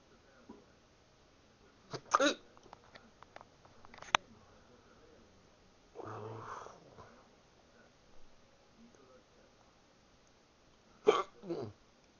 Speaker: It's 2 days in a row I've had hiccups. Sucks.